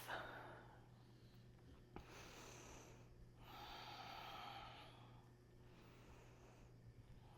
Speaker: You can hear one of my dogs snoring.